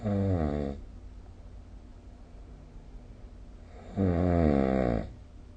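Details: Snoring recorded during sleep with the SnoreLab app: two loud, low, buzzing snores about four seconds apart, with quiet breathing between them.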